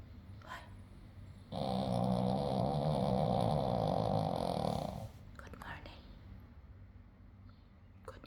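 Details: Sleeping dog snoring: one loud, sustained, rough rattling breath lasting about three seconds, set between quieter breathing.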